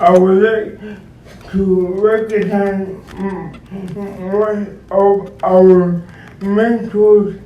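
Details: Dysarthric speech in an adult male described as physically challenged and speech-impaired, who uses a wheelchair and needs a personal care assistant; cause not stated.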